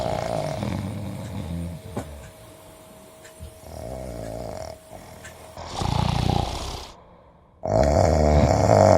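Loud rough rattling snores in bursts, separated by quieter stretches, with a steady tone in the background; snoring.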